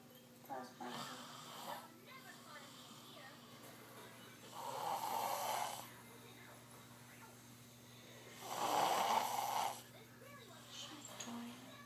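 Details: Slow, loud, rattling snoring breaths in a steady rhythm, about every four seconds, over a low room hum, while sleeping after a long day: snoring.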